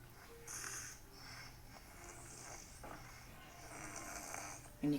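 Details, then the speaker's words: Adult patient right after a seizure, in the postictal state with an exhausted brain: noisy, rasping snoring breaths during deep sleep. "hear him snoring so do you see how he is his brain is so exhausted"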